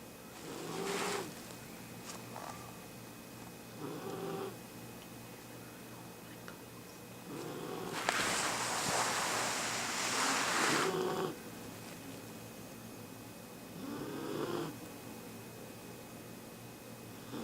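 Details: Bichon dog napping: soft rhythmic rasping breaths with louder snorting episodes; a small dog snoring.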